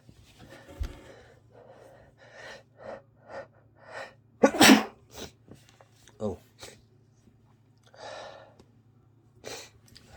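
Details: Sneezing fit recorded while ill with a congested head cold: catching breaths build to a loud sneeze, followed by sniffles and quieter breaths, with more sneezes coming.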